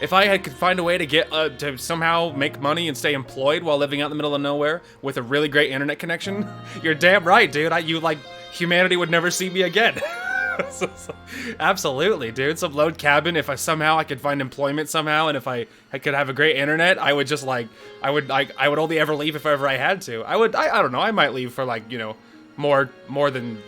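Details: Adult male with a self-reported stutter, speaking spontaneously with repetitions; stuttering.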